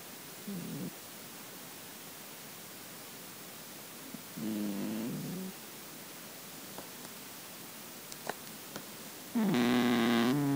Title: The gentle sounds of sleep - Russian Blue Cat Snoring